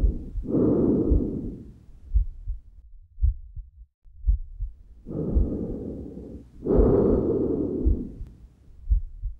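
Loud, harsh, hollow breath sounds on both breathing in and out, typical of normal tracheal breath sounds.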